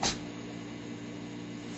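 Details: A female dog performing a trick gives one quick, sharp sneeze on the spoken cue "sneeze": a normal sneeze done on command.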